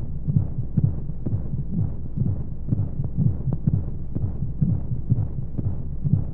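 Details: Womb sound for baby sleep: steady, muffled, low heartbeat thumps at about 125 a minute under a soft hum of white noise and monotonous flowing sounds. Heartbeat.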